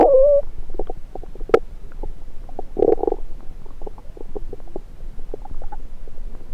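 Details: Gurgles, squeaks and bubbling rumbles from the belly, with the stethoscope placed on several parts of the abdomen; ordinary active bowel sounds (borborygmi).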